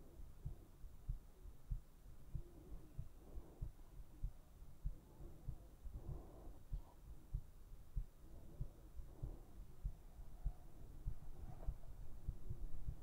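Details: Steady heartbeat for an ASMR sleep recording: soft, muffled low thumps at about 95 beats a minute against a low hum; regular rhythm.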